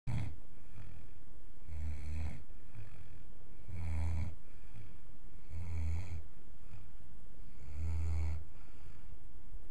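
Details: A 5-month-old wire-haired vizsla pup snoring loudly enough to keep the household awake: deep, rumbling snores about every two seconds, roughly 30 breaths a minute, over a steady background hum.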